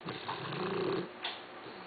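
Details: A 14-week-old Boxer puppy, asleep, gives a single rough, rattling snore breath in a quiet room: ordinary snoring.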